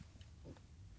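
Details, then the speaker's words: Low, gurgling stomach rumble lasting about a second from an adult man near lunchtime who had skipped breakfast: stomach rumbling (borborygmi). "And yes, that is the sound of my tummy rumbling, Jill. It's nearly lunchtime and I've I've been so exercised this morning."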